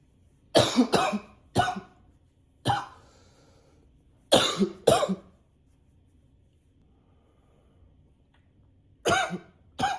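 About eight sharp cough bursts in clusters, separated by quiet pauses; repeated, persistent coughing.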